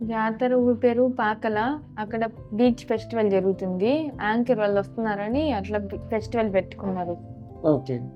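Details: Adolescent girl speaking Telugu; clear speech after cochlear implantation.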